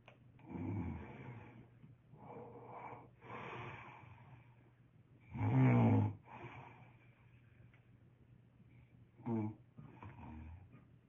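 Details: Adult man snoring, later treated with a mouthpiece: low, rattling snores with each breath, about six in eleven seconds, some louder and snorting; snoring.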